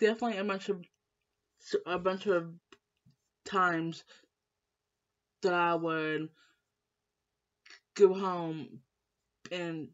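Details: Female with lifelong stuttering since starting school, always in speech therapy class; blocks when stressed; her mother and uncle also stutter; stuttering.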